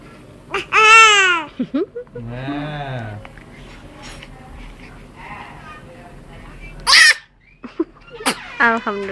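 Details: Single sudden explosive infant sneeze after babbling and fussing, adult voices nearby; sneezing.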